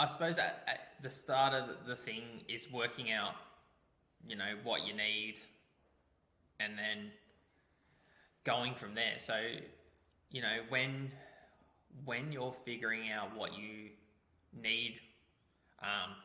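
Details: Adult man speaking; Normal conversational speech.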